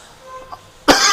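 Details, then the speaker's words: Adult with a little fever for two nights, headache and sweating, taking paracetamol: a single abrupt, harsh cough after a brief quiet sound; acute cough during a feverish illness. "day before yesterday as well as last night I got a little fever and cough as you have seen like uh I was on live stream and all"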